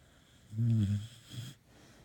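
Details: A beagle snoring while asleep: one loud, low, rattling snore followed by a softer second one.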